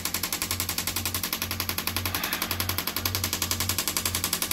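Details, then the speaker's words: Shockwave therapy device firing during treatment, felt as deep tapping on the bones: fast steady rattling taps, nearly four a second, with low hum; shockwave therapy pulses. "It feels like somebody's tapping really, really deep. Okay, so like it feels like somebody's tapping on your bones, but without like having to push hard through like your meat, like to get there."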